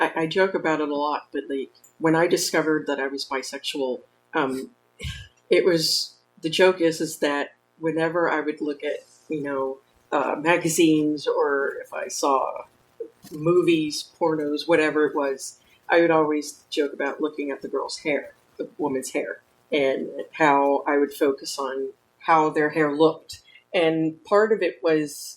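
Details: Adult woman speaking; normal speech.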